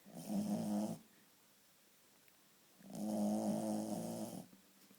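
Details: Shih Tzu in deep sleep, snoring: two long, loud, vibrating snores with a quiet pause between.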